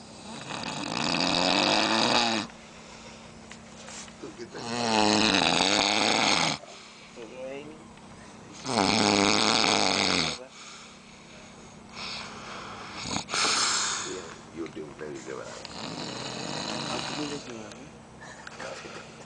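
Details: Loud, harsh rattling snores on each breath in, about four breaths, with quieter breathing out between; heavy snoring.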